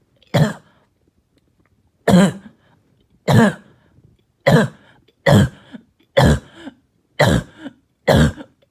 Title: Barking and Hacking Cough All Night